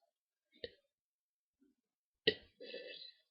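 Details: Girl burping deliberately and loudly: two short throaty bursts followed by a drawn-out voiced belch.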